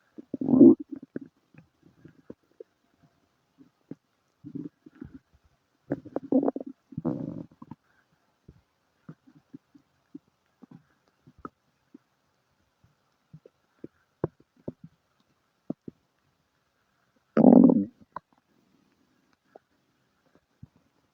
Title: Stomach noises, Diarrhea and farts :3